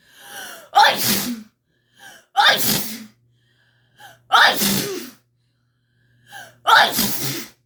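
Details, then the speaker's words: Woman's sneezing fit during a rhinitis attack, while sweating, short of breath and with a sore throat: four forceful sneezes in quick succession, each preceded by a short sharp in-breath. "eu fico muito agoniada parce que eu vou ter um treco de tanto que eu espirro"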